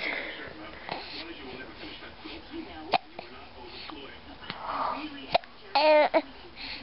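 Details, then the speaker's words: An infant girl, unusually happy despite hiccups she usually hates, hiccups in several short, sharp, abrupt bursts at irregular intervals over a quiet background murmur: infant hiccups. "oh you got the hiccups you got the hiccups you get a hiccup baby"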